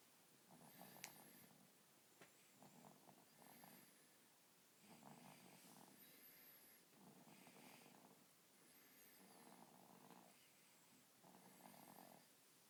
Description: Captured baby snoring